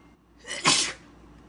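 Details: Single explosive sneeze: a short breathy intake, then a sharp hissing burst fading within half a second.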